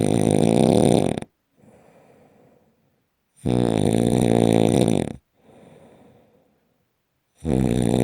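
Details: Very loud, harsh, rattling snores on each in-breath with quieter out-breaths, about 17 breaths a minute; heavy snoring.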